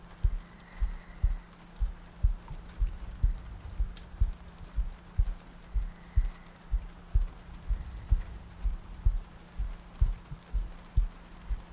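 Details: Sleep-aid ASMR loop with soft breathing and rain ambience: soft, steady paired thumps at about 60 beats a minute under a constant low hum and faint rain-like patter; a heartbeat.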